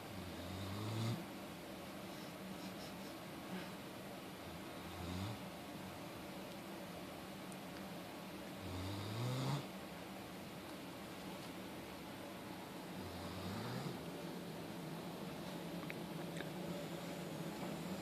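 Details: Low rumbling snores during a nap, recurring every few seconds, about four in eighteen seconds, with faint room noise between them; snoring.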